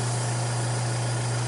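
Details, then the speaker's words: Portable suction machine switched on with the tubing end pinched and clamped to check maximum pressure on the gauge, before tracheostomy suctioning; a steady low motor hum. "this is portable so when I turn it on I need to pinch and clamp the end of the TV look at my gauge and see what the maximum pressure that supply"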